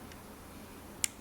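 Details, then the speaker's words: Stainless steel crown seated with thumb pressure on a prepared tooth on a typhodont model: a single sharp click, the snap fit indicating adequate tooth preparation and correct crown size. "That is called as a snap fit. So this is indicating that the tooth preparation has been done adequately and the crown which you have selected for the particular tooth is of correct size."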